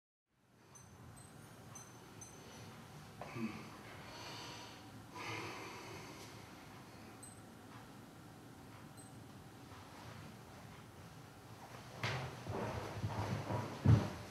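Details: Person with Tourette syndrome in hospital for deep brain stimulator implantation, October/November 2011; finding: vocal tics (Tourette syndrome).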